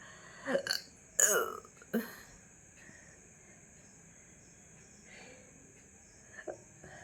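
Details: Short, abrupt throat sounds with a catch, then quieter gulps, hiccups possibly mixed with burping. They started suddenly after eating a big luchi, with gurgling felt in the throat.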